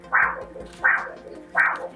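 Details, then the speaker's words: Normal triphasic arterial signal on a handheld Doppler: crisp, snapping whooshes about 82 a minute, each with softer following phases, over faint background music. "Imagine blood flowing through a healthy artery. It pulses then briefly reverses then pulses forward again. That's triphasic. A strong resilient wave. Triphasic is normal."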